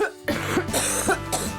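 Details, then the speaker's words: 23-year-old woman who has smoked since about age 11–12 (25–30 a day), with a bad chest in the mornings and at night, gives a few harsh, rattling coughs over background music: smoker's cough. "You can hear her when she's [music] coughing, and it's a real, real rattle."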